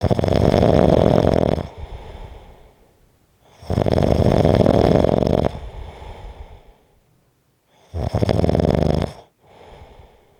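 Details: Heavy snoring: three loud, rough snores, each followed by a quieter breath out, about 17 breaths a minute.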